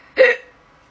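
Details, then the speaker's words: Painful hiccups in a person with Tourette's who has a sore throat: hiccup. "guys guys i have hiccups it's not much different [ __ ] off from having tics and it's the kind that hurt"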